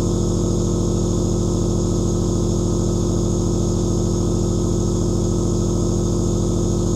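Steady low motor hum with a fast, even pulsing buzz, unchanging throughout: a nebulizer compressor running continuously.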